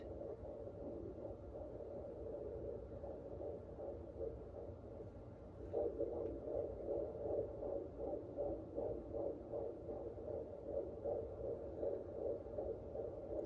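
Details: Fetal heartbeat found at home with a fetal Doppler: fast, regular galloping whoosh, about 150 beats a minute.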